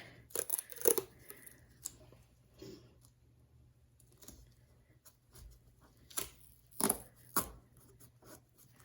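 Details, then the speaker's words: Nursing skills check-off after IV removal: after holding pressure 2 to 3 minutes with no bleeding, several sharp ripping bursts as tape is pulled and torn off a roll to tape the site on the patient's arm. "And then I'm going to go ahead and tape this on the patient."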